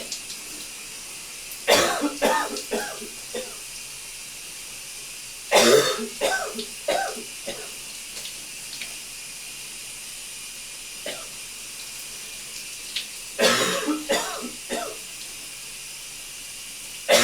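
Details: Three bouts of several loose, wet coughs over running water in a steamy shower; a productive cough bringing up mucus.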